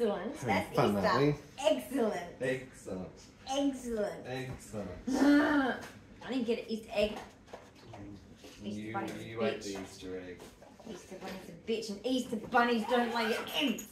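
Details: Vocal tics in a woman with Tourette syndrome with coprolalia and echolalia, plus 22q (DiGeorge syndrome) and seizures; repeated words and swearing, described as a Tourette's episode linked to exhaustion from moving house.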